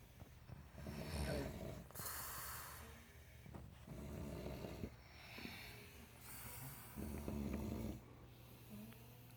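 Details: Two sisters sleeping, snoring in overlapping turns, rough throaty snores with hissing breaths between: snoring.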